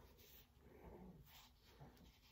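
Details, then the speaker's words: Sleeping female dog snoring and snorting: faint, low rumbling breaths with soft snorting bursts in a quiet room. "is my dog snoring. If you can hear her, she is like snorting and all that and snoring."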